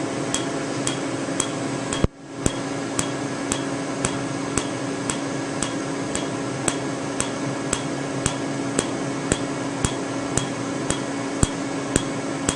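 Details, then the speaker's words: Sharp snapping clicks about twice a second over a steady machine hum: Candela Tri-Vantage Q-switched laser tattoo removal, 755 nm alexandrite for green ink, then 532 nm YAG for red ink. "so we're going to treat at 532 nanometers which is using the yag wavelength on the tri-advantage and at 755 the animator is using the alex for the green part and the red with the jag parts"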